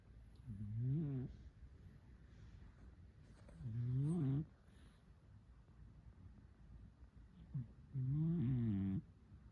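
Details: Turtle snoring: three low, voiced, rumbling snores with pauses between, about 14 a minute, over a faint background hum.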